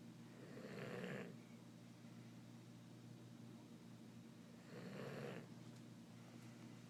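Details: Dog snoring: two rumbling, rattly snores about four seconds apart, each on a breath in, over steady low room hum.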